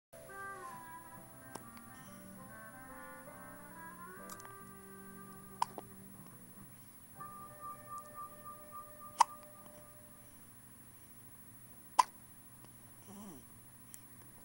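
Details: Soft piano music with brief sharp clicks recurring irregularly, about 22 a minute, fitting small hiccups; hiccups.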